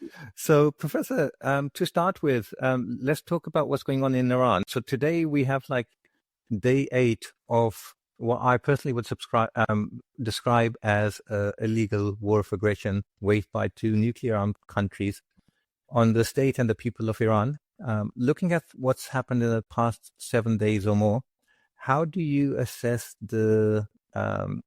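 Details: Adult male speaker; normal voice.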